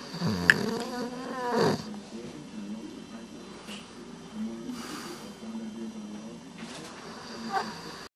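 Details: Sleeping subject snoring: low buzzing, fluttering snores with soft breaths between them, over faint room noise.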